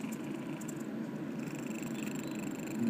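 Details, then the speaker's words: A sleeping cat snoring: a steady, soft, low continuous rumbling, with a faint hiss of room noise in the background. "みけちゃんいびきが聞こえますけど、みけちゃんいびきが聞こえますけど、あらら、みけちゃん寝ながらいびきしてますね。"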